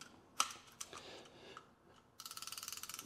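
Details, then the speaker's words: Torque-set ratchet tightening the adapter screw on a material disc adapter for a DGSHAPE DWX-52DCi dry dental milling machine: a few scattered clicks, then a rapid regular run of sharp ratchet clicks as it reaches the set tension. "you hear that so this is a torque set ratchet so it will tighten to exactly the right tension"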